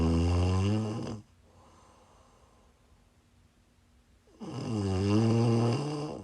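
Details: Loud, rough, rattling snores on each inhalation with quiet pauses between, from a woman snoring in sleep while sick.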